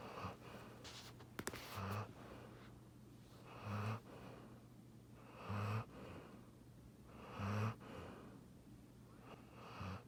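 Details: Giant Schnauzer, a large-breed dog, snoring while sleeping: rhythmic low snoring at about 30 breaths per minute.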